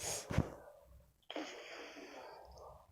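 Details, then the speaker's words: Child with a cold gives a short wet sniff, then a long noisy nasal breath through a blocked nose; nasal congestion, sniffling. "Nah, tapi pas di rumah itu tiba-tiba gimana ya, pilek gitu, gak tahu kenapa."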